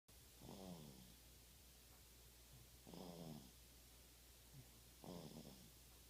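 Three rhythmic rattling snores on inhalation, about one every two seconds, over steady low room hum.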